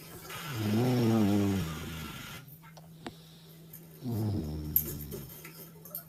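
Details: Female animal sleeping: two drawn-out, whining nasal breaths with light sniffling, soft snoring; the owner says she is depressed.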